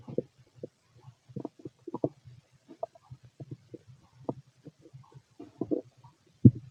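Irregular low gurgles and rumbles with occasional higher squeaky bubbling, ordinary bowel sounds of a healthy adult.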